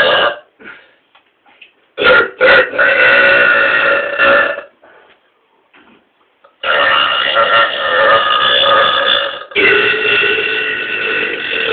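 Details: Several long, loud, rumbling belches, some lasting a few seconds, separated by short pauses; repeated, powerful burping.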